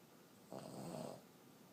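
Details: 14-year-old female Boston terrier snoring: a single short, raspy, snorting breath in a quiet room.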